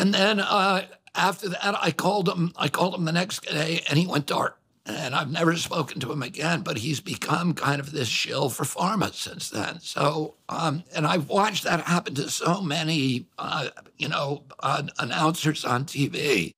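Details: Adult man with spasmodic dysphonia, a vocal condition whose effects are described as clearly noticeable; spasmodic dysphonia.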